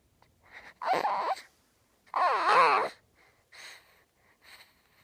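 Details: Two-week-old newborn boy asleep, making short grunting and squeaky vocal noises separated by quiet pauses; normal newborn sleep noises.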